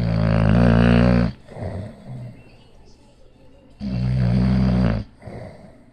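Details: Bulldog snoring while asleep: two long, loud, rough low-pitched snores separated by quieter breathing; heavy snoring.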